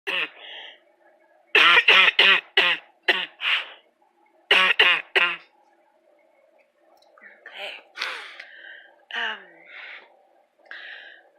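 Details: Persistent overnight cough, up all night until about 6 am without sleep: two bursts of about ten rapid coughs, some wet, then softer throat noises and breaths; lungs felt crackly.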